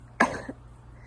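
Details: Simulated role-play: one short, soft acted cough with a little voiced tail in a quiet room, from a speaker acting sick after sneezing and coughing all day; a single mild cough.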